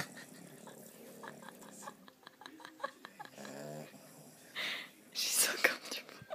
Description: 7 week old American bulldog/boxer puppy snoring in bed